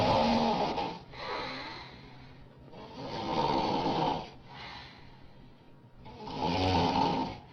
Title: Woman Snoring loud